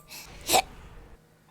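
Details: Person with a minute-long bout of hiccups: a single short, sharp hiccup, an abrupt burst of breath cut off quickly, over faint room noise.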